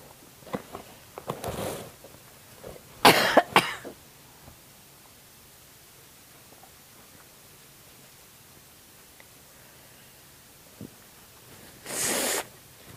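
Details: Elderly woman (grandmother) coughing strongly; she attributes it to medication and is recovering from an illness caught after new exposure to people. A bout of four or five harsh, forceful clustered coughs, then one more later in a quiet room.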